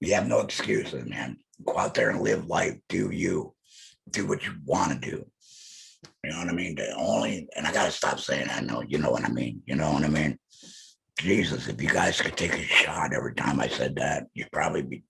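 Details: Alaryngeal speech from an adult male laryngectomee.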